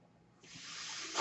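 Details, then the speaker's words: Mechanical ventilator sound heard while the user speaks: brief quiet, then a steady rising airy hiss as the ventilator pushes air during a breath. "Hello everyone, my name is, that noise you're hearing is my ventilator."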